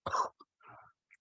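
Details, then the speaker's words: Adult who woke with a dry, wispy cough, possibly lingering COVID effects, gives a single short, dry, unproductive cough followed by a faint breathy trailing sound. "i woke up i woke up this morning with like a really dry like wispy like cough like"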